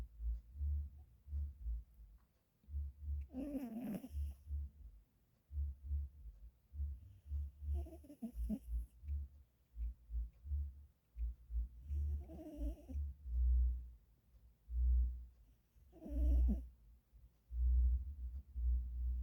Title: how is this baby with no job no dealing with little children snores so much